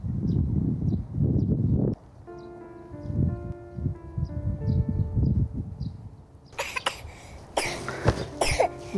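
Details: Cough from an adult man (a father) with a cold, in a short drama scene where the cough wakes his baby.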